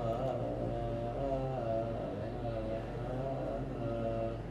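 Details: Adult therapist imitating; unsteady sustained phonation (ataxic dysarthria, imitated).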